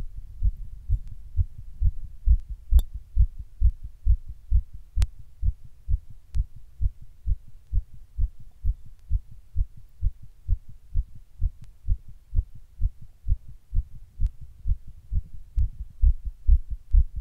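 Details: Own heart recorded while sitting in 100 degree heat during a heatwave: steady, fast heartbeat at roughly 130 a minute; tachycardia.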